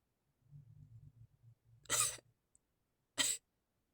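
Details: Quick catching breaths build up, then two short, sharp, muffled sneeze bursts a second apart; deliberately induced sneezes that were stifled.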